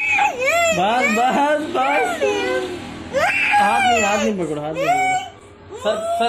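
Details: Young child crying loudly during a scissors haircut: bursts of wailing with rising and falling pitch in a small room.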